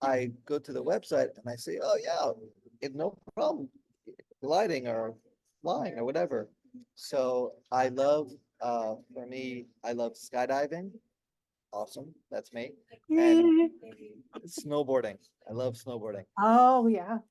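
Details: Aphasia in an adult man, 16 years after a stroke during heart valve surgery; at first he could say only one word, and it improved slowly over years of daily speech therapy.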